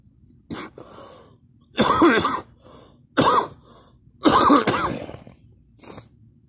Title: me coughing and gagging